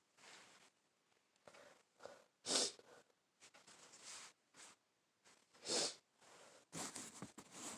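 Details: Adult with a full-blown cold, sniffly for days after family members had colds: quiet sniffs and breaths, then two sharp, hissing sneezes.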